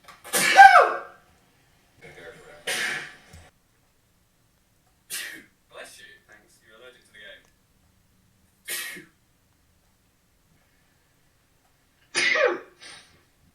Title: Sneeze Compilation